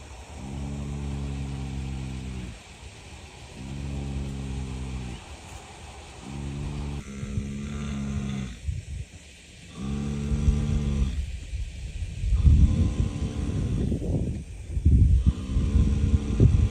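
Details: Snoring in a rescue horse while asleep: deep, rumbling, drawn-out noises with a rough, groaning quality, repeating every couple of seconds.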